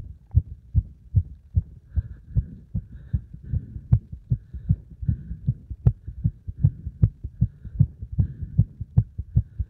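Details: Fast, strong, regular lub-dub heart sounds, roughly 150 a minute, right after hard exercise combining beeper test and squats; a normal racing heart after exertion.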